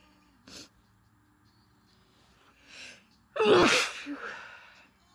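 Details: A soft sniff and quick inward breath, then one loud explosive induced sneeze trailing into a voiced exhale; nose blow at the end.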